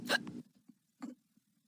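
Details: Sound-effect hiccups for a read-aloud children's story (Skeleton Hiccups): two sharp abrupt gulping catches of breath about a second apart.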